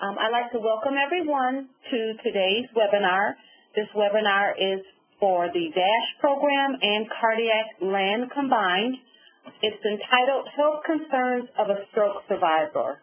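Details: Adult woman; typical speech.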